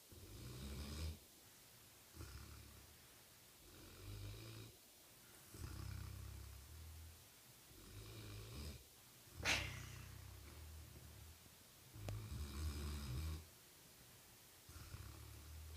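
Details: Howie snoring loudly: low, fluttering snores every couple of seconds during sleep, with a soft snort partway through; snoring.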